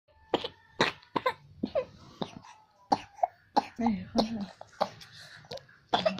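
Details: Child sick with a cough: repeated short coughs in quick bursts, about a dozen over six seconds.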